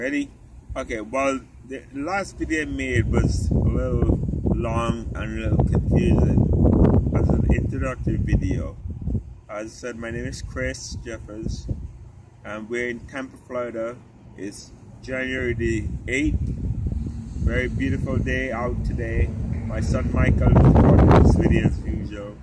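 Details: Adult man with genetic spinocerebellar ataxia type 3, inherited from his father; it affects his cerebellum, walking, talking and swallowing; he uses a wheelchair, and doctors expect eventual loss of speech; ataxic dysarthria.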